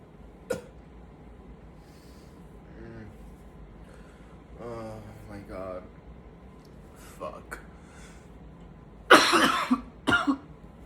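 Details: Bursts of coughing in fits, with faint groans and breathy sounds between them, showing how tiring the coughing is; repeated coughing fits.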